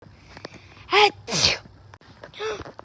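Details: In a comedic skit about a mother reacting to her youngest child sneezing, a quick in-breath is followed by two loud explosive sneeze bursts, then a softer third sound: ordinary sneezing.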